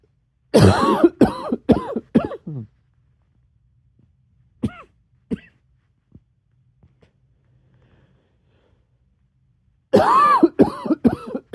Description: Got a little barky at the end there :)